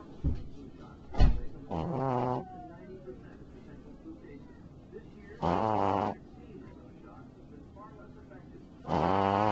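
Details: Shih Tzu puppy snoring very loudly while asleep: three drawn-out, buzzing snores spaced a few seconds apart, with quiet breathing between.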